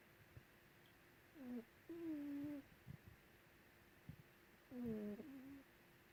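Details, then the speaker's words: Lulu, a sleeping cat under a white blanket, snoring: soft, wavering whistly-nasal snores with each breath, about three in six seconds, over a low room hum. "Lulu is snoring, and I'm going to try and capture it."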